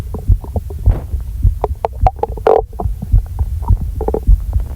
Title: My Stomach Growl (Gacha Life)